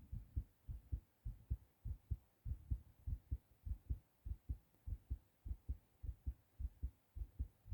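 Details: A male, recently sick, has a fast heartbeat (tachycardia) after a hard cough.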